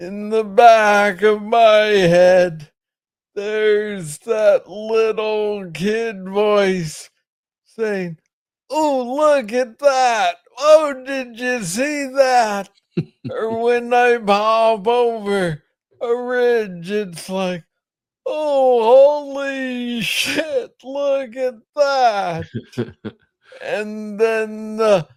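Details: Adult man diagnosed with Parkinson's disease in 2014 at age 35, first misread as tennis elbow; described as speaking slowly. Parkinsonian speech with slow rate and long pauses.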